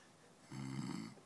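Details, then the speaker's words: Adult man sleeping: a single low, buzzing, rattly inhaled snore lasting under a second in a quiet room; snoring. "Eventually, if you get enough air in his stomach, in his throat, or in his lungs, he'll blow it out his nose or his mouth."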